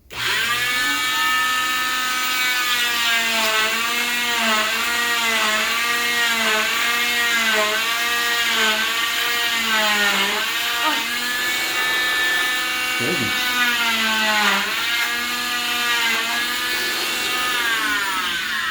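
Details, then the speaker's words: Oscillating cast saw cutting a short arm waterproof fiberglass cast with a Gore-Tex liner, pediatric, with a zip stick slid between skin and cast to protect the skin: a loud, steady, high-pitched whine that wavers while cutting. "And then what you do is you do the same as you did before with the safety tape, but now you have the zip stick to protect the skin."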